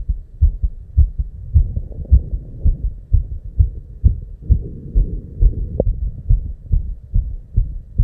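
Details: Rapid heartbeat (tachycardia).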